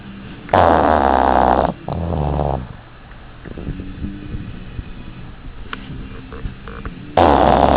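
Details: Dog napping; loud, rattling snores, a softer snuffle after the first and quiet breathing between: snoring.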